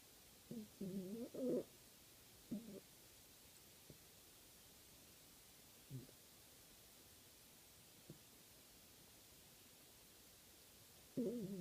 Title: My dog snoring (you're welcome).